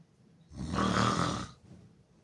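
One loud, harsh, rattling breath lasting about a second, from an adult sleeping with the mouth open; snoring.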